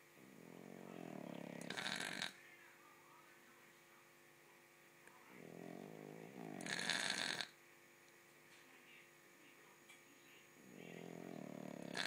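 Soft buzzing snores on each inhalation followed by a sharp hissing exhalation, about every five seconds: a dog snoring.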